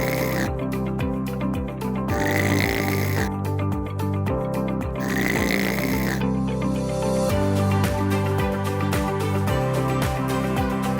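Loud rumbling snores with a snorting quality, repeating in cycles over steady background music.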